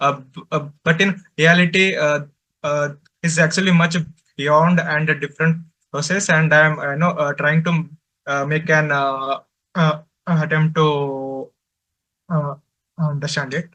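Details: Male adult presenter from a stammering association who says he stutters and finds speaking difficult, especially with different people; stuttering.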